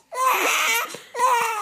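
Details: Identical-twin baby being burped in the middle of the night, hungry and tired, cries for the bottle back: two loud, tonal crying bursts with a brief catch between them; ordinary infant cry.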